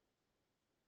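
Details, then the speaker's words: A dog gives a dry, irritative, strong cough like a goose's honk, with an attempt to expectorate at the end; goose-honk cough of canine infectious respiratory disease complex (kennel cough, tracheobronchitis). "Parece el graznido de un gansito, por eso se le llama así tos de ganso. Y siempre, al final, tratan de expectorar, ¿de acuerdo?"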